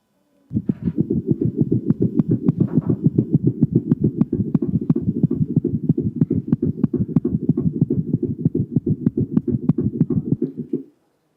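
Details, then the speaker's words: Rapid heartbeat of a cat with tricuspid dysplasia, with a clearly doubled first sound followed by the second sound, resembling but distinct from a gallop: split first heart sound. "And you can see that there is a very clear split split of s1 and then we got s2 coming after."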